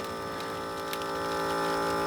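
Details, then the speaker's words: Steady electric motor hum of an automatic blood pressure monitor's pump inflating the cuff on the arm to about 180–200 mmHg before it stops and deflates. "Now it's going to pump till 180 more or less, and then it's going to stop and then deflate the pipe, the pressure system, and"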